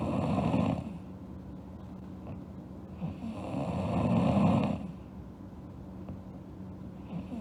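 Two long, rough, rattling snores about four seconds apart, with quiet breathing between them. Ordinary snoring during sleep.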